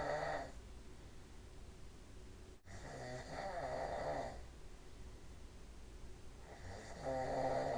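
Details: Two snorers at 5:30 in the afternoon: repeated rough, fluttering snores with quieter breathing between the louder ones, the second snorer overlapping.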